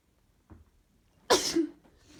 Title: Sneeze attack female allergy